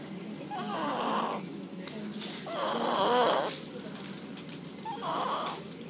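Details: Snoring while very tired: rough, fluttering snores on each in-breath, about 29 a minute, in a quiet room.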